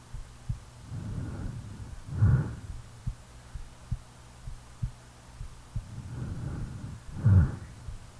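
Soft regular low thumps under slow, rumbling snores, about two snore cycles; a resting heartbeat during sleep.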